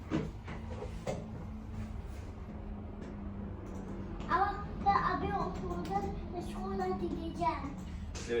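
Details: 4-year-old boy with very large adenoids and an enlarged right tonsil, plus middle-ear fluid with about 30% hearing loss, speaking during an exam and swallowing his words; hyponasal (denasal) speech.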